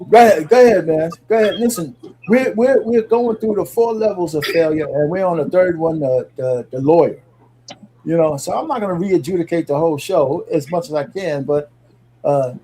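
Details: Adult male speaker; Normal speech.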